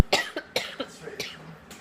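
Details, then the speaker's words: Several short, dry cough bursts in quick succession in a small room, from an adult who reports an irritated throat from road salt dust and more coughing than talking all day. "I haven't the old stopped talking since I went out today not in my talking I meant coughing I've been doing more coughing than I've been doing talking"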